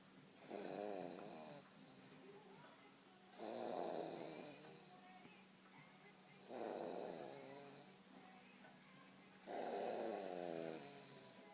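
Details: Baby snoring during sleep: four rough, rattly snores rising with each breath in, about 20 breaths a minute, quieter breathing between.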